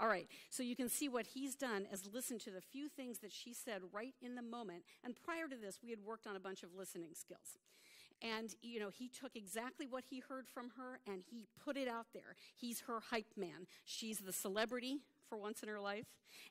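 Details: Adult woman presenter; Normal adult speech.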